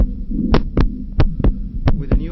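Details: Four-year-old child, heart heard by stethoscope with breathing sounds, also heard on standing: low, humming vibratory systolic murmur, an innocent Still's murmur.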